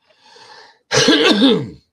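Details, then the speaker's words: Adult with walking pneumonia: soft inhale, then one loud, rough, voiced, gurgling throat-clearing cough while clearing the chest; productive cough. "sorry folks it's coming out little by little for those of you that didn't know I had what's called walking pneumonia I guess basically so clearing it out"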